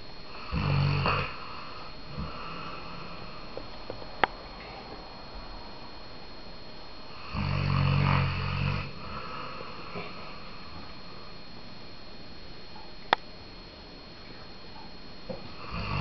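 Rough snores about every seven seconds, with quiet breathing and faint room noise between them. Snoring during sleep.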